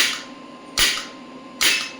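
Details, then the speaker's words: Sharp, loud snapping pulses about once per second over a quiet hum; an electromagnetic radial shockwave applicator firing on the elbow at 1 Hz as energy is raised to 65 millijoule. "65 is quite enough for me for that joint. So I'm not going beyond the thing because I may get injured."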